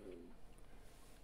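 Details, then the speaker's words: Man's stomach making noises after eating very hot sauce, brief quiet low gurgling rumble then faint room noise; stomach growling (borborygmi). "y'all hear my stomach did y'all hear that I know y'all heard that my stomach is making w noises that's bad"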